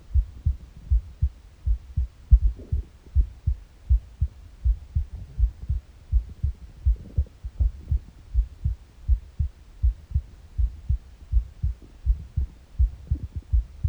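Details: Normal heart sounds recorded in the morning on an empty stomach: steady adult heartbeat around 80 beats a minute, with occasional gurgling bowel sounds.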